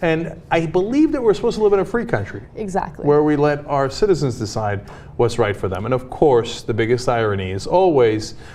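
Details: Adult man; typical speech.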